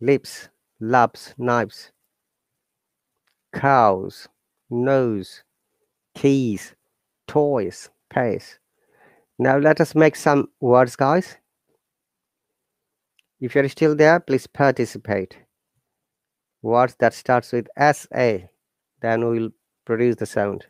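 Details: Adult speaker; normal speech.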